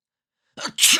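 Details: A single short human sneeze from a sneeze sound library: a quick in-breath followed by a sharp hissing burst.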